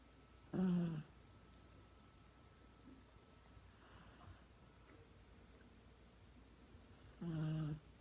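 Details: Dog (Chico) snoring loudly in sleep: two strong buzzing snores about seven seconds apart, with a faint softer breath between.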